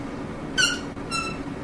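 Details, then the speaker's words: Imitated wheeze: a whistling sound demonstrating sibilancias, produced by narrowing of the airway lumen, in the context of asthma attacks. "y las sibilancias es un silbido que se genera por la estrechez de la luz sería algo así"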